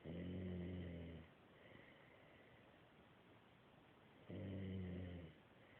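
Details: Snoring: two long, low, rumbling snores about three seconds apart over a steady background hiss.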